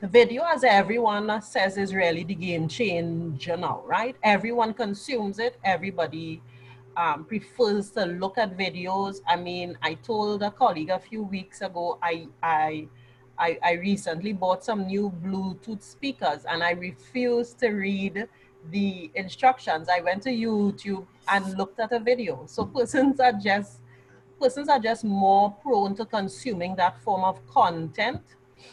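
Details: Adult woman who has stammered since childhood and has largely gained control through years of practice in acting, public speaking and video; she says her remaining stammer is mostly habitual, not from nerves: stuttering (stammering).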